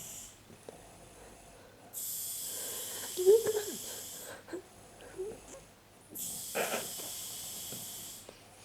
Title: My Mom has Weird Snoring 1